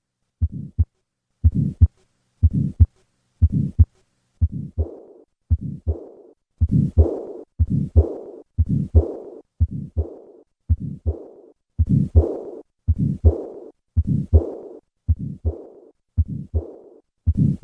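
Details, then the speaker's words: Regular heart sounds near 60 a minute, each followed by a rough whooshing murmur, from a teaching recording in a discussion of repaired tetralogy of Fallot: combined pulmonic stenosis and regurgitation murmurs. "listen once again to combine pulmonic stenosis and regurgitation"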